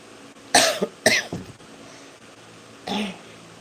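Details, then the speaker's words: Adult with a dry cough keeping them from sleeping, with a runny nose and trouble breathing the day before, sitting and drinking hot water, gives three short, harsh, unproductive coughs, two close together and one after a pause. "Oh, I have a cough. So my voice is not. So I'm sitting here."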